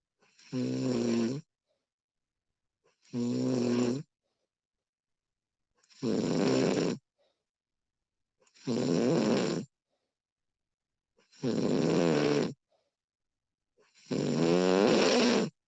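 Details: Recorded real person's snoring, female version: six regular rattling snores about 22 a minute, each on a breath in, with silence between; steady snoring during sleep.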